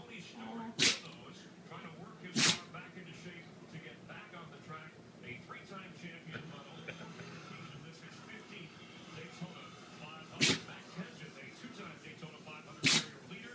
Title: Sneezing puppy